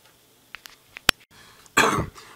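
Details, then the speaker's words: Nasty cough with chest pain in a person with a suspected bronchial chest infection, after sore throat and thick yellow mucus, before a hospital visit: a single harsh, noisy cough burst after a few soft clicks. "and then on Sunday that's when it got worse started getting chest pain getting like this nasty cough you guys want to hear it"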